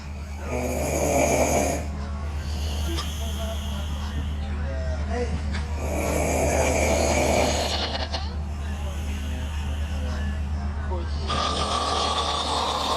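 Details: Two women snoring hard after a long night of partying and drinking: loud, rough snoring in long repeated breaths over a steady background hum with faint music.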